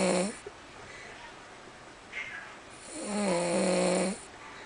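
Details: Snoring during sleep: two loud, buzzing, tonal snores on inhalation with quiet breathing between them.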